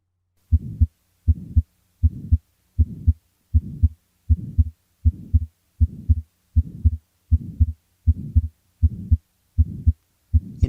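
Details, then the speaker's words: Pulmonary stenosis: regular heartbeat about 79/min with a rough ejection systolic murmur between the heart sounds, with or without a systolic click, loudest over the left second intercostal space with the patient leaning forward. "Characteristic finding on auscultation is ejection systolic murmur with or without a systolic click. The is loudest over left second intercostal space with patient leaning forward."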